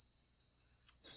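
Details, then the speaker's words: Simulated tinnitus: a steady, high-pitched, cricket-like ringing tone used in an online tinnitus evaluation tool, with its volume adjusted until it matches the user's own tinnitus loudness. "okay that about matches this volume of my tinnitus"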